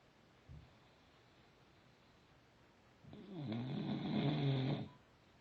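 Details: Rescue bulldog Duke snoring: a brief soft snort, a quiet pause, then one long, loud, rattling breath with a low vibrating rumble.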